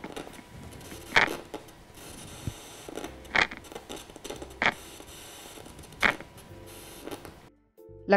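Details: Needle EMG technique demonstrated as done in clinical practice, for neurophysiology teaching: brief crackling bursts over steady static, normal needle EMG insertional activity.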